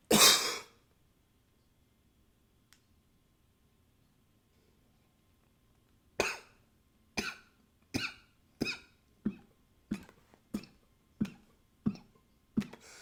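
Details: Coughing recorded with a new high-fidelity microphone: a loud nose blow, then a quiet pause and a run of about ten short, dry coughs.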